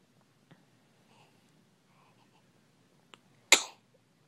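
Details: One-week-old baby boy sneezing: a quiet room, a faint catch of breath, then one sharp, explosive sneeze.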